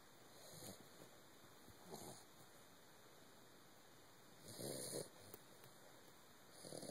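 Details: Soft, rough snoring bursts repeating every one to two seconds with each breath of a sleeping Doberman puppy, over faint room hiss.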